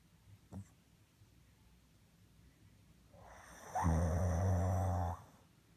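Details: Snoring from a father during sleep: one deep, rattling snore on a breath in, with a faint snort before it.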